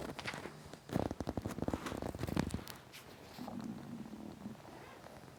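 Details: Rough gurgling rumbles with a bubbly, purring burst, then a lower drawn-out growl: loud, intense stomach rumbling (borborygmi) from hunger.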